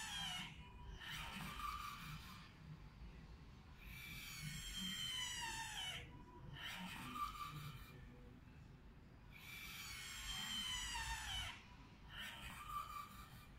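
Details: Mechanical ventilator running: rhythmic hissing breath cycles of about 10 to 11 a minute, with a whining tone.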